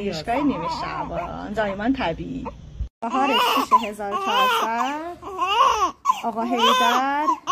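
Loud, wavering newborn cries in repeated bursts with brief pauses for breath; ordinary crying of babies just after birth.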